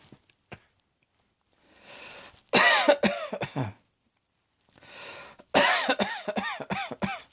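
Two harsh coughing bouts, each a quick run of three to four coughs, preceded by audible breaths in a quiet room.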